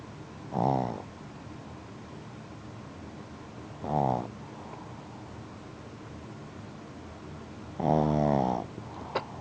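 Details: Black pug asleep, three buzzing, rattling snores spaced a few seconds apart over low room hiss; snoring.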